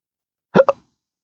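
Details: Single abrupt voiced hiccup with a short catch of breath after it, from a person with a rare chronic disabling hiccup and burp condition since December 2015 after surgery with nerve damage; hiccup.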